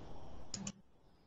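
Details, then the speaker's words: Adult who had eaten only once that day: a brief low rumble with a short droning gurgle, stomach growling likened to Tupperware dragged across a floor. "what was that noise that was my stomach holy crap it some sound like someone was dragging Tupperware AC ac across cross a to floor"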